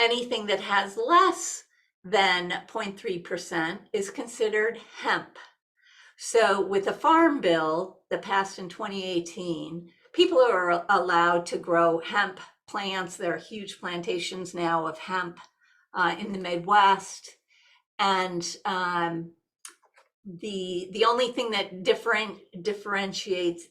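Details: Adult woman, a nurse practitioner, with essential tremor, a progressive hereditary neurological movement disorder also shaking her hands and body; she says her voice shakes and grows gravelly as it affects the larynx; essential voice tremor.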